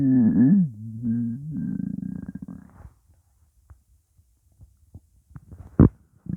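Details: Upset stomach after eating pizza: long low gurgling rumble with wavering pitch, trailing into quieter bubbling pops, gassy borborygmi.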